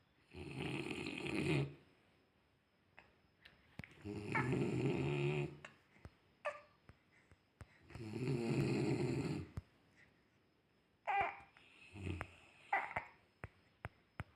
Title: Listening snoring first time.